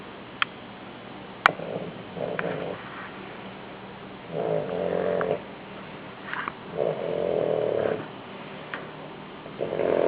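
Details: Person or animal snoring in sleep: soft rhythmic rumbling breaths about every two to three seconds, with a few brief clicks.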